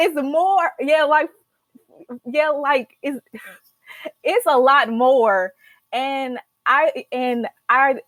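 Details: Stuttering in a young adult woman, a senior college student, who began speech therapy in college; stuttering.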